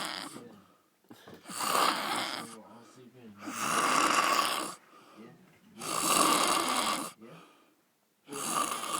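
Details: Loud snoring while asleep, described as a snoring panda: rough, rattling snores about every two to three seconds, with quieter breaths between.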